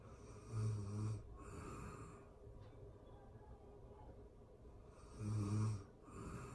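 Two low, rattling snores a few seconds apart, with quiet breathing between them in a still room.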